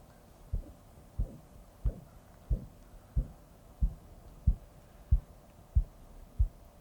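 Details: Korotkoff sounds, regular low tapping beats about 92 a minute, heard through a stethoscope with a blood pressure cuff during blood pressure measurement.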